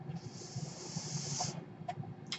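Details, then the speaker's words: A steady airflow hiss for over a second, then it stops, followed by brief puffs over a low hum: the speaker's own home mechanical ventilator delivering a breath. "my name is run in mind that noise earrings my ventilator"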